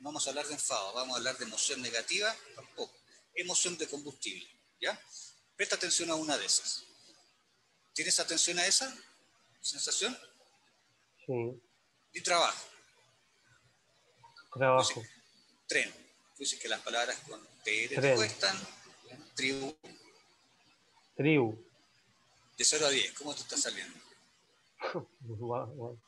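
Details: Adult male speaker, Spanish; stuttering.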